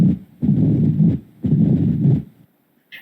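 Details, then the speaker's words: Mitral stenosis heard at the mitral focus: a low-pitched, rumbling diastolic filling murmur filling long stretches between heart sounds, with an opening snap at its onset. "El soplo diastólico de llenado, vamos a ver que son mesosistólicos, graves, retumbantes, en decrescendo y se ausculta en el foco mitral."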